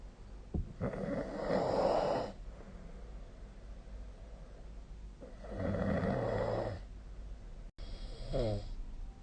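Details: Sleep snoring: irregular fluttering snores, about 14 a minute, with quiet breathing between them.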